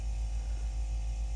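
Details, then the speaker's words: AIROS 8 eight-chamber pneumatic sequential compression device on the legs for circulatory problems, at the feet as pumping begins after the inflation warm-up: steady low motor hum with a faint, gently pulsing rise and fall. "Okay, so now it's down at the feet. Now it's going to start the pumping."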